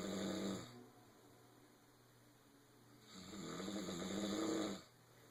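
Long, rattling snores on the in-breath with quiet pauses between; ordinary snoring during sleep.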